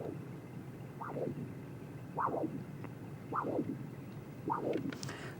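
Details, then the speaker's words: Pulsed spectral Doppler of the popliteal artery in a lower-extremity arterial duplex exam: whooshing beats over a steady hiss, each with a quick rise and fall, giving a normal triphasic waveform with a peak velocity of 48 cm/s. "so we see our triphasic waveform let me move the cursor over to where it should be at the peak of this poal artery and the peak velocity in this case is 48 cm/s again very normal"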